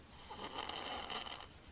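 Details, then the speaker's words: Sleeping infant recorded Feb 6, 2009, breathing through the mouth, not congested, holding breath between breaths; brief harsh rattling snore with noisy obstructed breathing, obstructive sleep apnea. "this is a picture of holding his breath right now he's snoring"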